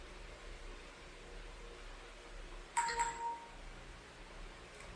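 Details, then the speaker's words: Glucose monitor alert during an IVIG infusion day: a brief two-note electronic chime in a quiet room warning that blood sugar is extremely high because the insulin pump did not take. "And this is letting me know that my sugar levels are extremely high. My insulin um pump did not take."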